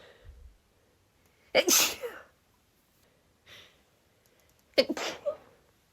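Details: Rapid stifled, tickly sneezes: two sharp explosive sneezes, each after a quick indrawn breath.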